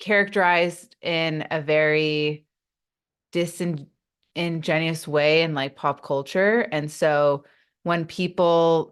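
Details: Adult woman who stutters, in a real English-language podcast interview: stuttering.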